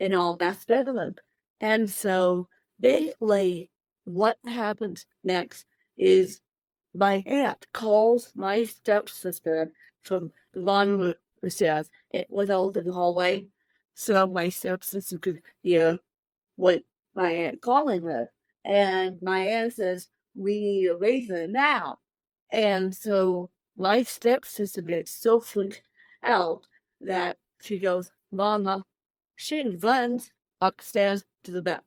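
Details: Dysarthria in an adult woman with cerebral palsy present from birth, born 13 weeks premature weighing one pound thirteen ounces; real, not acted.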